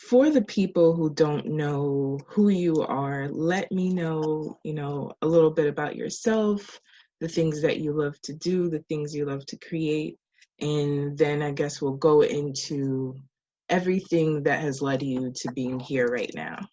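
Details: Adult speaker; Normal speech.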